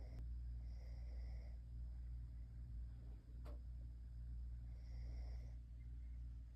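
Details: Sleeping snoring sounds, relaxing.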